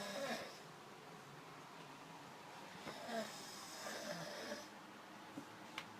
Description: Guy snoring, taking up bandwidth.